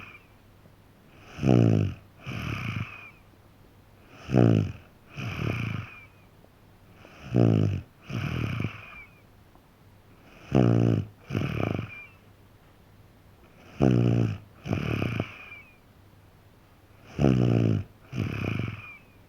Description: Snoring of, my 3 and a half year old son. This sound is easy to loop.